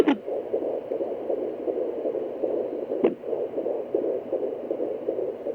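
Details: IVF pregnancy at 13 weeks 4 days, home handheld fetal Doppler: rapid, regular whooshing pulses over steady Doppler hiss, with a couple of sharp clicks, possibly mixed with the mother's pulse: fetal heartbeat on Doppler.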